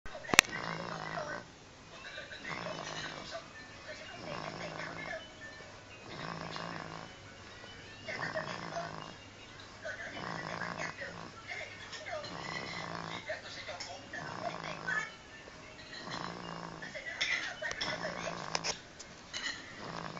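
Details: A baby boy taking a little nap, making a funny snore: soft, regular snoring breaths, about 30 a minute, each with a faint nasal rumble, over background music; snoring.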